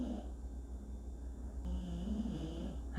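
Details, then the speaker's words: Male pet dog snoring while asleep. "well i'm not gonna wake him up so sorry guys i hope it doesn't bother you to hear my dog snoring"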